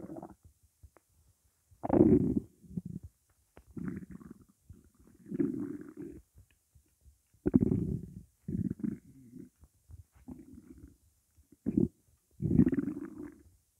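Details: Hunger stomach growling (borborygmi) during a 12-minute recording of an empty stomach holding only water: repeated low gurgling rumbles in bursts with quiet gaps.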